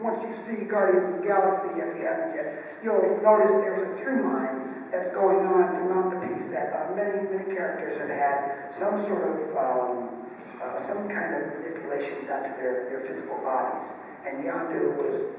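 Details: Adult male with unilateral vocal fold paralysis from a childhood clothesline injury to the neck; one vocal cord bowed, one paralyzed, with excess air escape; rough, breathy voice, present ever since the injury.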